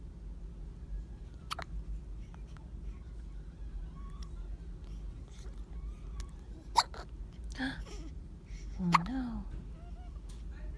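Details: Newborn baby with hiccups: soft, sharp little catches at irregular intervals, with faint infant sounds, in a quiet room.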